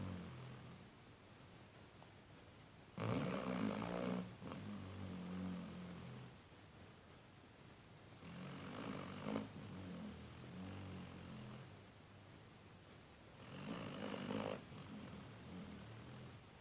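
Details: Sleeping Basset Hound dog snoring: three loud rasping snores on in-breaths, about 11 seconds apart, with quieter rumbling between them.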